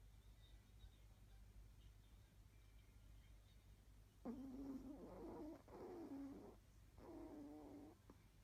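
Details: Sleeping chihuahua lying in an odd posture, which makes it snore: after a few quiet seconds, three rattling, slightly tonal snores.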